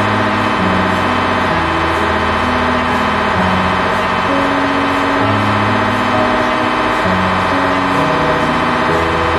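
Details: MRI scan; loud continuous mechanical droning with shifting tones and rhythmic pulsing, an MRI scanner running a sequence.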